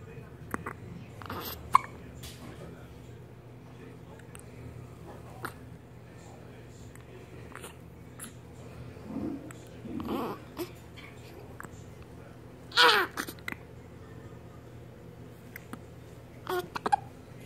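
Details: Person with constant hiccups: several soft, abrupt hiccup sounds in a quiet room with faint background noise; hiccups.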